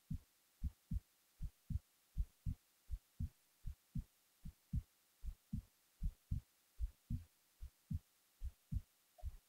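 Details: Resting heartbeat recorded while the person was falling asleep: steady low thumping at about 75 beats a minute, heard close to the body.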